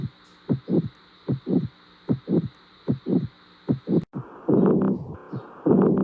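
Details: Regular lub-dub normal heartbeat near 76 per minute, then a louder, rougher, noisy abnormal heart sound, contrasting normal with abnormal heart sounds.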